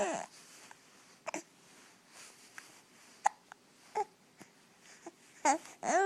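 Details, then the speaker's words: Someone with hiccups: brief, sharp, irregular catches of breath repeating every few seconds over faint background voices. "You got the hiccups?"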